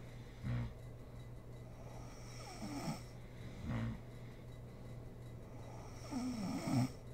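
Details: Snoring from a sleeping mother: rough, rattling snores on uneven breaths every few seconds over a steady low room hum.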